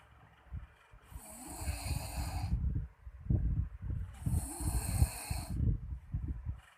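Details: Man caught by his wife snoring really loud in sleep: loud, rough, low rattling snores on the in-breath alternating with hissy out-breaths, about two breath cycles in seven seconds; heavy snoring.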